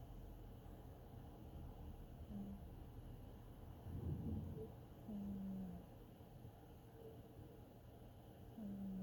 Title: Cat snoring and dreaming